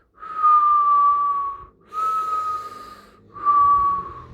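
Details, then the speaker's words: Imitated wheeze in a respiratory assessment lecture: three sustained high-pitched whistling tones, likened to a whistle or a cat's meow, typically heard in asthmatic patients; wheeze. "um som bem agudo e um pouco mais alto também, tá? Então, parece com um assovio. Em que caso que a gente vai ver, tá? Geralmente em paciente asmático, tá?"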